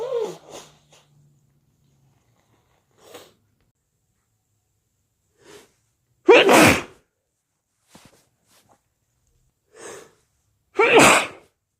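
Two loud, wet sneezes, each preceded by a short indrawn breath, with quieter sniffs and breaths between them.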